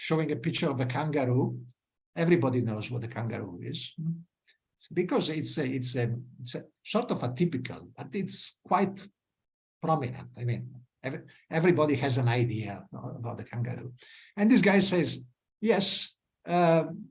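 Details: Adult male lecturer; ordinary speech.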